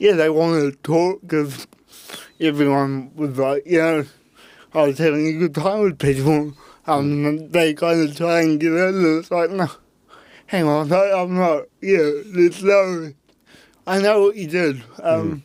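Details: Adult man with cerebral palsy since birth; at birth his parents were told he would never walk or talk, and he had intensive therapy from birth to age six for walking and talking; dysarthria (cerebral palsy).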